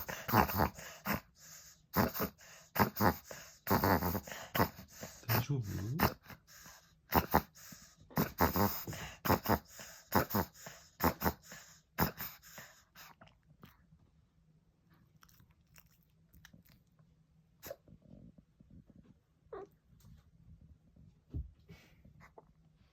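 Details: Pekingese, a brachycephalic small dog, with a long bout of reverse sneezing: rapid, repeated snorting inward gasps in a long run, then quieting; owner worries about the continuous episode.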